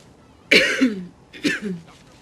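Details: Two acted coughs from an adult actress, each a sharp burst with a throaty voiced tail.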